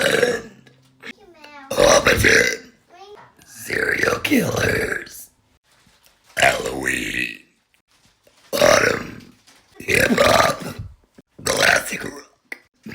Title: Burp Video - Get to Know Me… With Burps?! 🤣 | My Likes, Interests & Chaotic Energy #burp #burping